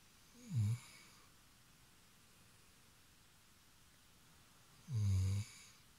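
Two short, loud, low snorting snores about four seconds apart, with quiet between them.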